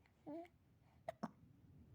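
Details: Newborn baby boy: a soft baby sound, then two brief, sharp catches close together in a quiet room; infant hiccups.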